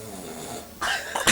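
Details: A brief hiss of breath followed by two sharp, harsh bursts, a short cough, from a sleeping snorer.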